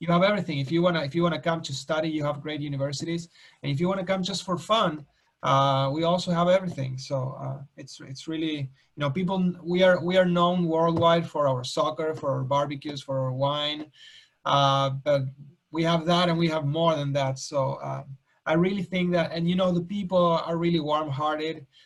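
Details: Adult man; ordinary speech.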